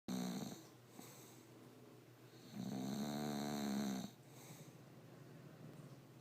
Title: English Bulldog snoring Bosco and Dozer